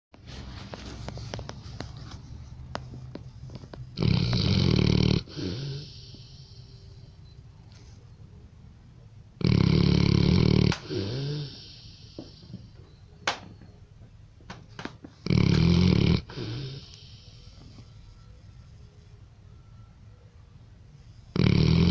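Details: A dog snoring: deep, rumbling snores recurring about every five to six seconds, with quiet breathing between.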